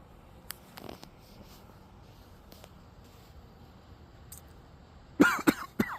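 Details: Faint room noise, then a short burst of about three harsh coughs from a man near the end; cough.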